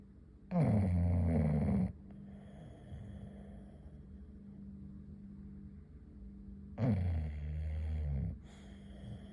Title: Biggs Snoring #englishbulldog